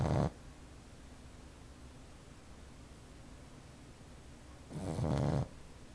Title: Boxer pup snoring like a man